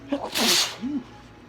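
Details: Spring-allergy sneezing into a handkerchief: a short in-breath, then a loud hissing sneeze, slightly muffled, followed by a brief voiced after-sound; strong perfume mentioned.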